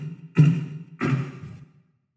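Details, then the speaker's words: Vocal (beatbox) imitation of phase 1 Korotkoff sounds while measuring blood pressure: two voiced tapping thumps marking the first appearance of sounds, which is the systolic pressure. "You know the 1st phase well. First appearance of sounds."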